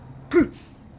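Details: A neighbour's cat gives a single short, harsh hacking burst with a brief voiced edge and a faint breathy tail in a quiet room, and the recorder is worried about it: cat cough.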